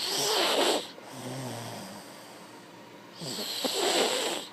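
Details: Snoring during sleep: two noisy, rasping breaths about three seconds apart, with a quieter low rumble between them.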